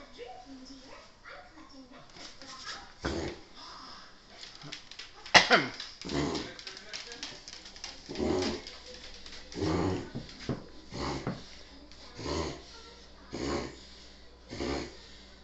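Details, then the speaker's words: Dog (Eva) in a long reverse sneezing episode: a long run of loud, rhythmic snorting inhalations. "That was the longest sneeze. I didn't get it all. It's a long sneeze, girl."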